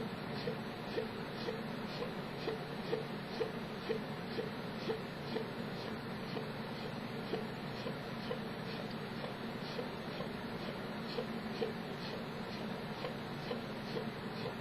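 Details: Chronic persistent hiccups (singultus), pending neurologist review: soft, brief, repeated throat catches about two per second against a steady room hiss, recorded while pausing to hiccup for about a minute.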